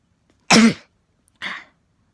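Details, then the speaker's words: Young woman sneezing on camera after tickling her nose with a rolled-up tissue; one sharp explosive burst followed by a softer second burst. "okay I've done it how's that did you like that felt kind of good but I think I could have I think I could have made it sound cuter"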